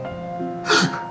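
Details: A man with hiccups that have not stopped for 8 years, which began after a heated dispute, gives a single sharp, abrupt catch of breath over steady background music; chronic hiccups.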